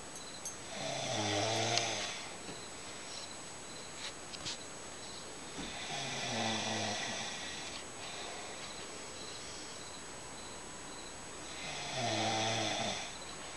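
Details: Mother snoring in the dark at 6:40 in the early morning: slow, regular rattling, breathy inhalations about every five seconds, roughly eleven to twelve breaths a minute, over a faint steady hum.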